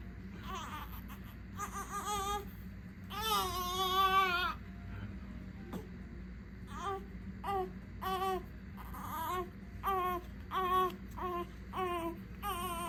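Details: Two-day-old full-term baby girl, born by unmedicated birth, placed in a car seat for the first time on leaving hospital. Short repeated wails and fussing cries with faint room noise; ordinary newborn cry.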